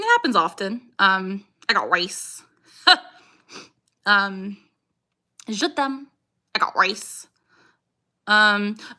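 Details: Female with Tourette syndrome; "I got rice" vocal tic repeated several times in quick succession: vocal tic (Tourette syndrome)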